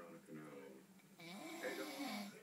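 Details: Wife snoring while asleep: a drawn-out, vibrating, voice-like rumble wavering in pitch over a couple of breaths, in a quiet room.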